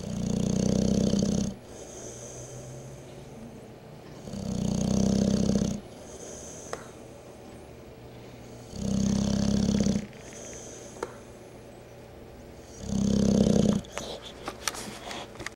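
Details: Howie, a new rescue, snoring during sleep: four loud, rough snores with quiet pauses between, roughly 15 breaths a minute.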